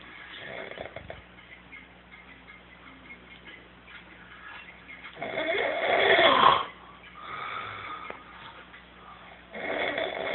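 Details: Loud, rough snoring breaths with quieter gaps between them: ordinary snoring in sleep.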